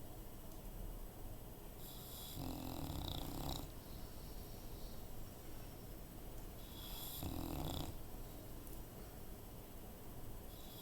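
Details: Female bulldog snoring, two soft rattling snores about five seconds apart over steady hiss and room noise.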